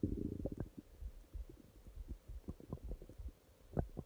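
Low gurgling and rumbling with irregular pops, typical ordinary stomach growling.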